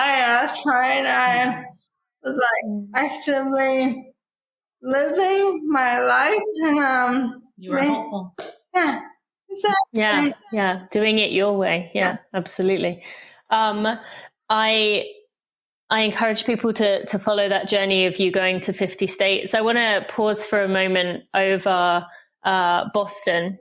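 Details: Dysarthria from ALS in a woman diagnosed with probable ALS in 2014 at age 33, about ten years before, after rapid early progression from half Ironman to walking with a cane within six months.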